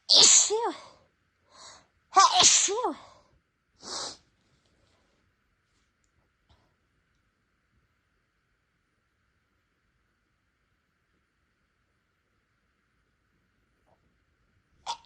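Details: Two loud sneezes with rising inhalations, then a short breath and quiet, deliberately induced in a person without allergies whose nose seemed sensitive after spicy food; sneezing.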